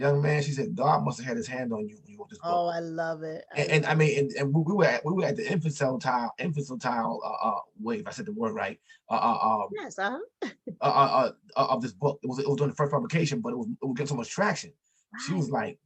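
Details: Stuttering in an adult man, an author, who says he has stuttered since childhood, had a very serious speech impediment and still has it; others can hear it.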